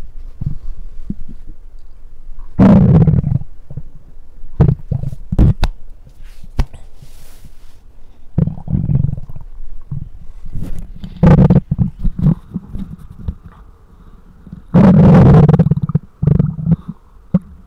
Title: Mic Up Stomach Growls 2